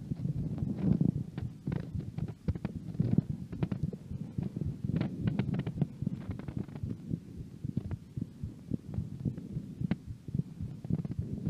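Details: Heart sounds heard through a stethoscope: low, muffled heartbeat thumps with scratchy handling noise and a steady hum.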